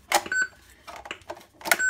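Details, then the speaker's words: Plastic click of a one-piece battery popped into a Defibtech Lifeline View AED, then device tones as it runs its battery self-test, reports OK and powers off. "clicks in performing battery test and it soon as you pump it in it does a battery test and it will show you where the batter is that as far as pottery okay so you just said it's okay and it powers off"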